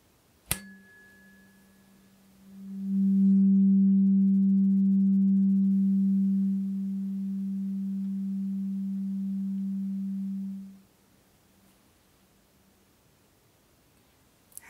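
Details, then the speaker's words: Role-played ASMR hearing frequency test, tuning fork number five of eight, slightly higher frequency, played to one ear first: sharp strike then a steady low pure hum that swells and fades after about eight seconds. "number five and the frequencies continue to get a little higher this side first ready okay here we go"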